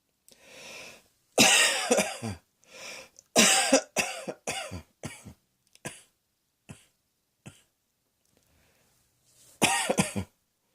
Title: Cross Dressing Coughing 50